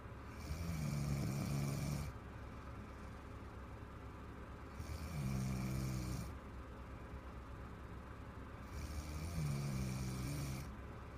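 Three long, low, rumbling snores about every four seconds over steady background hum. Snoring.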